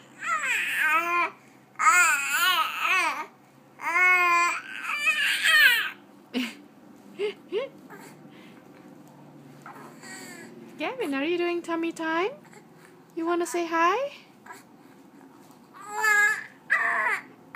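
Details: Infant during tummy time: repeated wavering, fussy cries and vocal babbling in a small room, with brief pauses between bouts.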